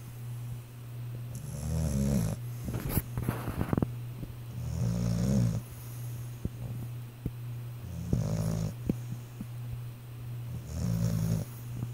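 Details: A sleeping pit bull dog snores with rough, low, rattling breaths, about 19 a minute, over a steady background hum; snoring.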